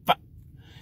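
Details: Adult male who says he has Tourette syndrome, producing a non-speech vocalization; simple vocal tic.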